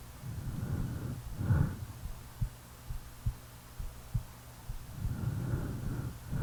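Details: Real heartbeat recorded during sleep: soft regular thumps at about 70 a minute between loud snoring breaths at the start and end; normal heartbeat.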